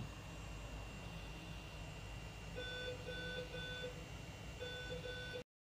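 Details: Repeated short electronic beeps over a steady low machine hum in a NICU, where a ventilated baby is recovering and starting to move its limbs: monitor/ventilator alarm beeping.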